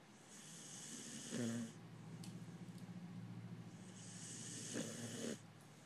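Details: Sleeping pharaoh hound puppy snoring: two slow snoring breaths with low rumbling vibration and a soft hiss.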